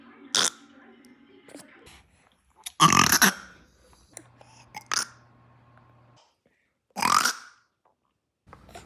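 Several loud, throaty burp sounds come in separate bursts, with quiet gaps between them.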